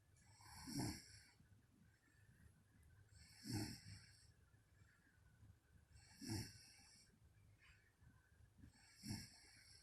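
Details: Regular low, rattling snores from a sleeping adult woman (mother), about 22 breaths a minute; snoring.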